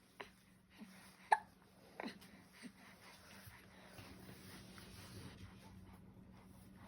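Faint, brief catching sounds at irregular intervals of under a second, with a low steady hum behind. Newborn hiccups.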